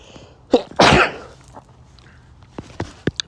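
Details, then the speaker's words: Male with a cold, a little bit sick: a sharp in-breath, then one loud explosive sneeze, followed by a few sniffs and small throat sounds; sneeze. "But now, I mean, I'm a little bit sick."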